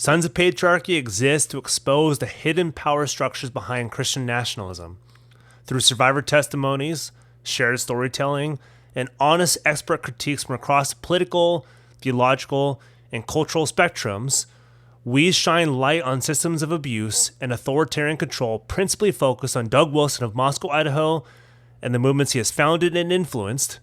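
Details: Adult male speaker; normal speech.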